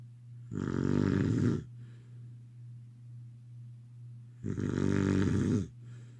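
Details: Snoring during sleep: two long, loud, vibrating snores about four seconds apart over a steady low hum.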